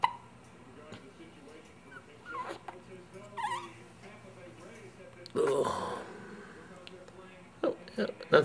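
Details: Tired infant girl in a quiet room with brief, abrupt soft catches at irregular intervals and a faint fussy squeak: infant hiccups.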